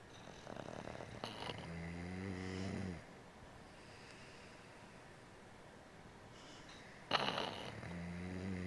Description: Funny bostonterrier and boyfriend sleeping and snoring. Together!!!!